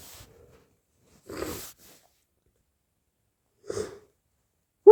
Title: sneezing fit and nose blows